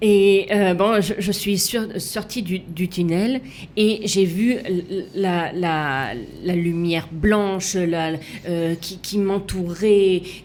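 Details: Female left aphasic with right-sided hemiplegia after an accident and coma, resuscitated with a defibrillator; for years could not place her tongue correctly, fought 7 years to relearn walking and speaking; aphasia.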